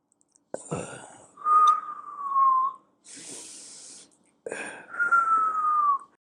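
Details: Imitated wheeze, live demonstration by a doctor: two breaths with a sharp intake, then a high, steady whistling outbreath, an expiratory wheeze sound as in asthma or allergy.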